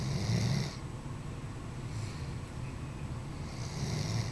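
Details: Doberman dog snoring while sleeping: low rumbling, fluttering snore carried on the breath, with a softer stretch between louder snores.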